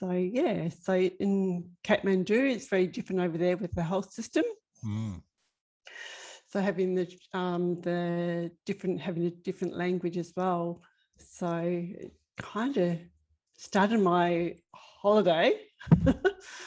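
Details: Woman with global Broca's aphasia, about five years after an ischemic left-sided stroke at age 49, with ongoing word-finding problems and word mix-ups; Broca's aphasia.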